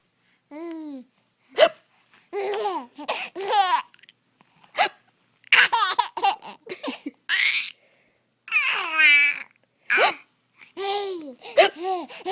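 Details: An infant almost 5 months old hears imitated hiccups, short and sharp, and answers each with bursts of delighted laughter and babbling; the hiccups are faked, not real.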